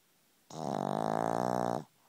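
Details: Pug snoring right by the recorder's ear: a single loud, buzzing, fluttering snore from a flat-faced dog.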